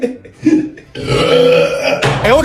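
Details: Burping during a challenge to drink Coke without burping: short throaty sounds, then a rough, drawn-out belch and a rising voiced sound.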